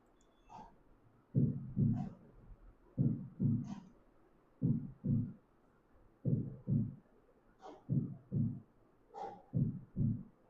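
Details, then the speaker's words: Normal first and second heart sounds in the aortic area: regular paired lub-dub beats at about 37 a minute with no extra sounds between them, demonstrated as normal rather than abnormal in a heart sounds teaching seminar. "This first sound, this second sound you see in the aotic, this is normal, not abnormal sound."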